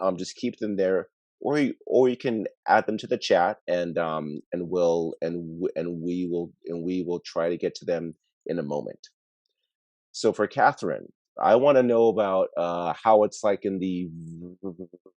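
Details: Adult webinar moderator who stutters, speaking English with part-word and word repetitions and fillers; stuttering.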